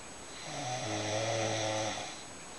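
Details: Mother snoring in the dark at 6:40 in the early morning: a single long, low, rattling snore on the breath in, rising and fading over about two seconds.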